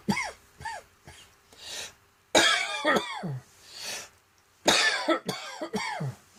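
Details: Adult's short, dry, tickly coughs in spaced bursts from a seasonal throat tickle returning on cold, damp autumn mornings: cough from throat irritation.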